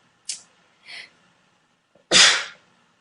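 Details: Celebrity clip: two quick in-breaths, then one sharp, forceful sneeze; an ordinary single sneeze.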